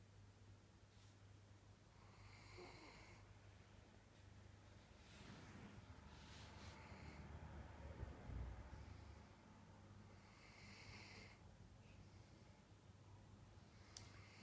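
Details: New dog asleep on a couch: soft, repeated snoring breaths with light snorts over a low room hum; ordinary snoring.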